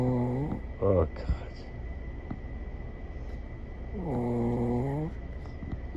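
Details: Loud, long, low-pitched rattling snores with quiet stretches between, from a sleeping King Charles Spaniel dog; ordinary snoring.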